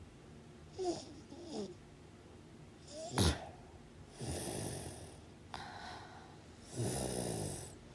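Irregular snoring with short snorts and rougher, drawn-out breaths in a quiet room, several in under eight seconds.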